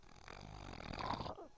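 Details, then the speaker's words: Snoring during drug-induced sleep endoscopy (DISE), scope entering through the nose: the palate is fully closed in an apnea, then the airway reopens and a rough, fluttering palatal snore builds. Obstructive sleep apnea originating at the soft palate. "El paciente ahora abre y empieza a roncar. Esto es el paladar. Esto es lo que ocurre cada noche en su casa mientras duerme."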